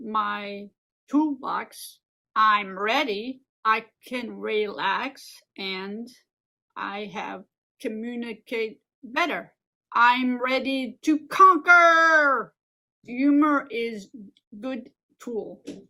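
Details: Adult woman with aphasia and apraxia of speech after a stroke 15 years ago, speaking in a recorded presentation; aphasia with apraxia of speech.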